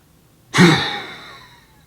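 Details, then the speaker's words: Maximal forced exhalation on a home spirometer, a sudden hard blast of breath tailing off over about a second; third and highest of three attempts, peak expiratory flow 723 L/min, recorded for a study. "looks like the third time's a charm this happens to be the highest value of my three attempts and therefore I will record this value again for the purposes of the study"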